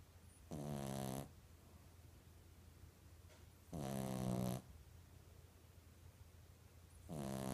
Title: Snoring 3/13/15